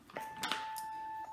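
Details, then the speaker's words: BD Alaris volumetric infusion pump powered on with the white key: a button press, then a steady high beep about one second long as the pump begins its setup self-test. "so it's the white key here at the bottom so I'm just going to press that once you hear a little beep and your pump will start its setup"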